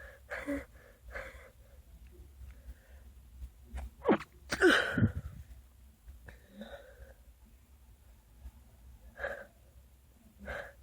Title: Stuck sneezes.